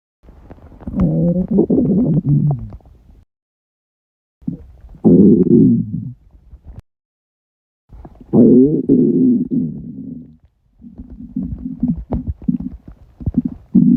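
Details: Stomach rumbling after a 48-hour fast: long, low gurgling and growling rumbles in several bursts with pauses; normal borborygmi of an empty, active gut.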